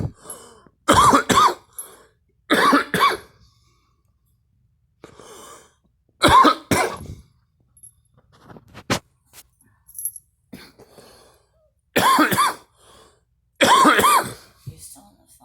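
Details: Person coughing and gagging: five bouts of forceful double coughs, about ten coughs in all, with quieter throaty gagging between.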